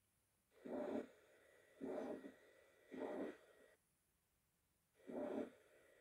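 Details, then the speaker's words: Repeated loud, harsh, mid-frequency holosystolic murmur with normal S1, single S2 and an S3 gallop in diastole, caused by flow through an incompetent mitral valve into the left atrium. Severe mitral regurgitation. "the murmur of metal regurgitation is a mid frequency rectangular murmur taking up of all systole s1 is normal and s2 is single there is a third hertz sound gallop in diastole the murmur is caused by turbulent flow through the incompetent mitral wall leaflets into the left entry"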